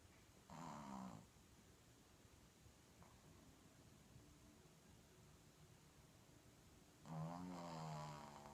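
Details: Two long, low snoring breaths with a throaty vibrating rumble, about six seconds apart, in a quiet room; snoring.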